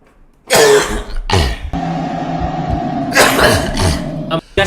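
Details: Cough in an adult: several harsh cough bursts with throat-clearing quality over a steady background hum.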